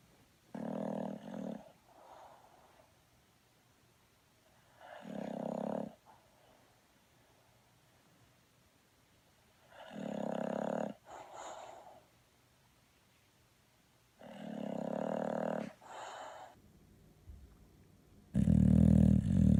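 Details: Slow, regular rumbling snores, about one breath every five seconds, each with a softer follow-on sound, from a sleeping dog.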